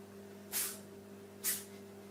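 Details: Two short, sharp, hissy sneezes about a second apart over a steady background hum, from a small animal, a dog or cat, in a compilation of sneezing dogs and cats.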